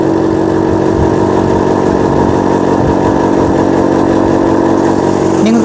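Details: Loud, steady motor hum with a rapid pulsing drone from a medical suction machine running while drawing suction.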